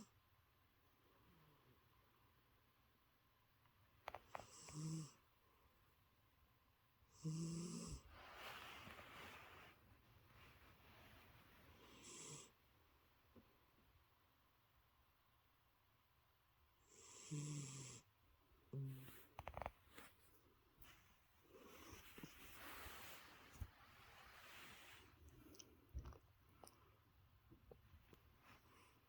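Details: Sleeping cat snoring softly, with rough, rattling bursts on each breath and quiet pauses between.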